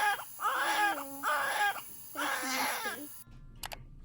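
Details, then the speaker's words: Newborn boy just delivered and placed on mother's chest: loud, strong rhythmic crying in bursts, a vigorous first cry right after birth. "he came out he was screaming which you'll hear in this next clip"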